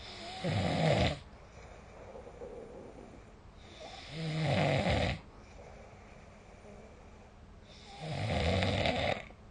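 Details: Snoring during sleep, recorded with the SnoreLab smartphone app.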